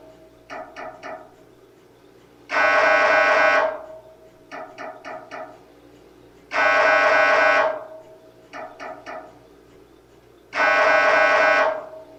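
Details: Sample MRI scanner sounds to prepare patients: repeating cycle of three quick knocks, then a loud sustained buzzing tone, about 15 cycles a minute; ordinary MRI sequence noise.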